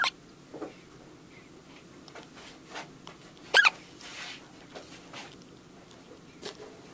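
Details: A dog's hiccups: brief, sharp, squeaky clicks at irregular intervals, about seven in seven seconds, over quiet room noise, likened to a little mouse.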